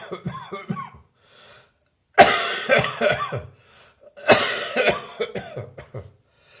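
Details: Adult recovering from bronchitis with a still-present but much drier cough: short bouts of dry hacking coughs without rattle or mucus quality.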